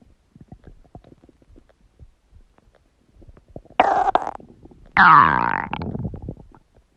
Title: Huge stomach gurgling sound | My Stomach Makes Noises